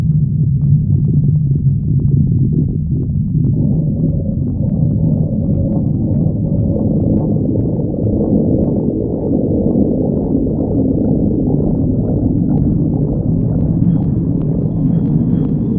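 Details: Stomach growling: steady low rumbling and churning throughout; ordinary borborygmi.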